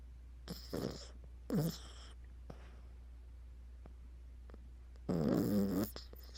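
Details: Pet snoring in sleep: rough, rattling breaths in spaced bursts over a steady low hum.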